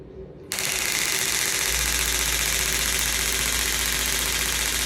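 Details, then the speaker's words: InPulsa acoustic shockwave therapy device, used mainly for erectile dysfunction, firing: rapid, steady mechanical rattling pulses, about three to four per second, sounding like a little gun as acoustic energy pulses into the cells. "it fires acoustic energy and it pulses it sounds like a little gun but what it does is it vibrates with the bullet when it hits another part of the metal and sends acoustic energy into the cells"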